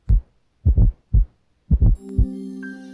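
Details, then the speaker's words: S4 gallop in a teaching recording: low-pitched heart sounds with an extra soft beat in late diastole just before S1, giving a three-part "Tennessee" galloping rhythm. "s4 results from vibration of the valves papillae and ventricular walls later in diastole because this low pitched sound occurs just before s1 it produces a galloping rhythm as in the word Tennessee"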